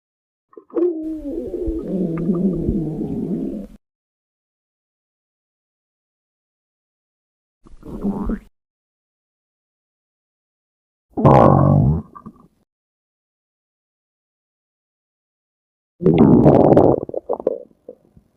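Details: Four separate low gurgling rumbles with silent gaps between them: a female's stomach growling (borborygmi).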